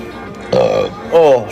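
Two loud, drawn-out voiced belches: burping.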